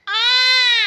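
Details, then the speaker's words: Infant girl crying loudly as she gets sleepy; she cries before falling asleep and when hungry. A single brief, loud, high-pitched wail lasting under a second. "আমার baby loudly crying দিচ্ছে। অনেক মমতা নিয়ে ও কানতেছে। ও ঘুম আসছে।"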